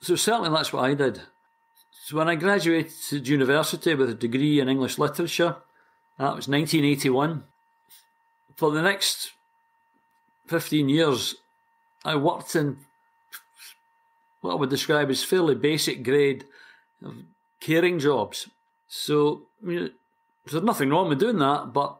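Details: Stuttering (stammering) in a 60-year-old man from Glasgow, Scotland, who has stammered since about age four and completed the McGuire Program at 45.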